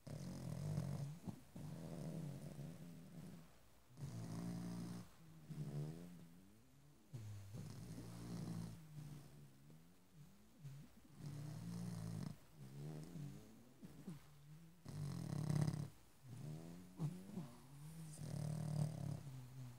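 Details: Pug, a flat-faced dog, snoring loudly: regular rattling snores with snorting and wheezy, whistling breaths out, about 15 breaths a minute.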